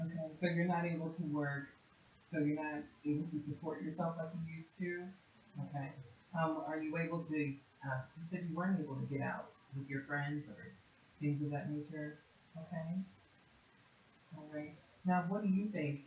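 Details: Adult clinician; typical speech.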